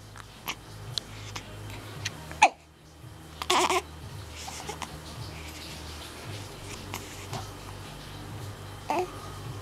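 Several sharp, brief catch sounds at irregular intervals over a steady low hum; hiccups.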